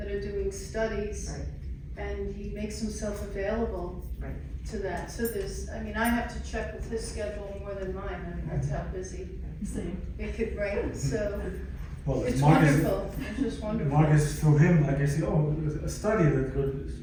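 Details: Stroke survivor with aphasia from a stroke about 11 years earlier, speaking English; aphasia.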